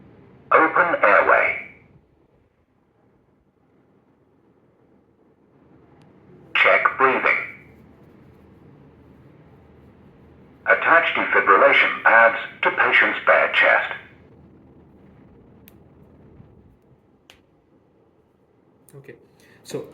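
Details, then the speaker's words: Recorded voice prompts from a Zoll AED during a training demonstration with adult pads, given in short bursts during CPR: open airway, check breathing, attach pads to bare chest. "মেশিনটা operate করলে মেশিনে কিছু আপনাকে instruction দিবে যখন ওই মানুষটা অজ্ঞান তখন কিছু জিনিস আপনাকে সে ইন্সট্রাকশন দিবে"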